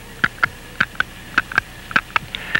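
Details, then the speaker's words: Crisp paired clicks at about 104 a minute from a caged-ball mechanical heart valve, heard with mouth open, in a man with a congenital heart defect five years after valve surgery; the ball moves with each heartbeat. "that little ball inside the valve which goes up and down with the palpitation of each heartbeat"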